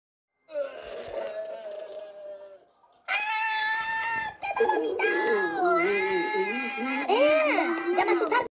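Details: Infant crying: loud, sustained wavering, strained bursts with brief pauses for breath, in a small room.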